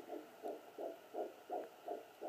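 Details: Fetal heartbeat heard with a Sonoline B fetal Doppler: rapid, regular whooshing pulses read at about 148–160 beats per minute.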